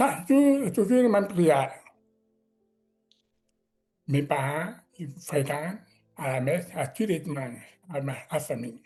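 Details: Adult man with severe-to-profound deafness, speaking French; deaf speech.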